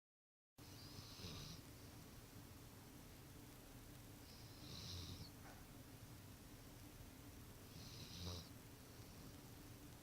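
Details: Quiet snoring: three soft, hissing breath sounds about every 3.5 seconds, roughly 17 a minute, over steady room hum.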